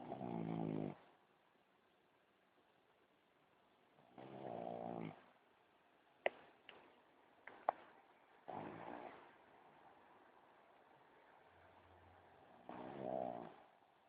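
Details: Shih Tzu asleep on a window sill with eyes open; three or four rattling snores roughly every four seconds with faint clicks between; snoring in sleep.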